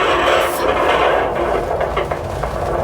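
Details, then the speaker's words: Handheld Doppler on mother's abdomen during a prenatal appointment: loud, steady crackling static from the babies (twins) moving in the womb; heartbeats said to sound great; fetal movement noise. "Yeah, the staticky noise is them moving around in there. That's how much they're moving."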